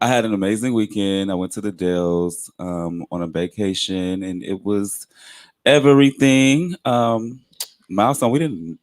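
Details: Adult speaker; Normal voice.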